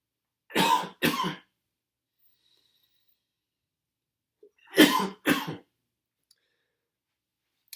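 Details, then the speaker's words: COPD mucus-clearance technique demonstrated seated: breath in through the nose, then two pairs of short deliberate coughs into the arm, separated by a pause; controlled double cough, first loosening mucus, second bringing it up. "cough twice, of course, into your arm or sleeve, and the first cough is going to help to loosen that mucus, and the second cough is going to bring it up to your mouth for you to get rid of."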